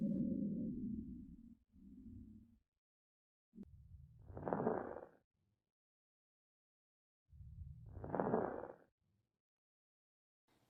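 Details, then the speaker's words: Simulated breath sounds from an auscultation training simulator at the lung base: fine crackles heard during inspiration. "intense tracheal breathing bronchial breathing and then vesicular breathing sounds fine crackle sounds heard at the base of the lung"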